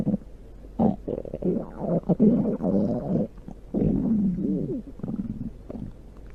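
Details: Big stomach growl recorded at the belly (ASMR): loud, long gurgling and rumbling with bubbly pitch changes; ordinary bowel sounds from gas and fluid moving.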